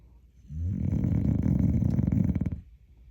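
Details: Dog snoring: a single long, deep, rattling snore lasting about two seconds, with fast fluttering vibration, described as snoring like a hog.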